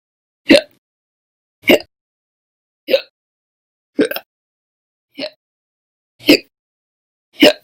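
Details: Audio-only recording of repeated hiccups: seven brief, abrupt gulping sounds roughly every second, separated by silence.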